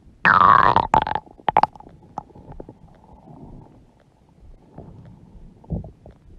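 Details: Stomach growling from a mother's huge belly: a loud gurgling growl with a falling squeal, then short bubbling pops fading to quieter rumbles; borborygmi.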